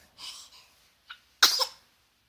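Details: Baby just woken in the morning, after eating: a short sniffing intake, then one sharp, hissing burst; a single baby sneeze.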